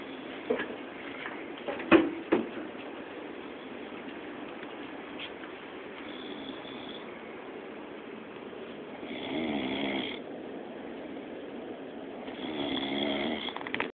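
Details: Overworked man sleeping in an office on a weekend, snoring with two long, rough, buzzing snores a few seconds apart over quiet room noise.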